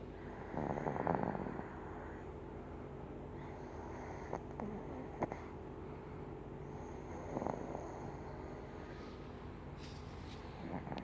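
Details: Sleeping infant (nephew) snoring: soft, uneven snorting and rattling noises with each breath from noisy nasal breathing.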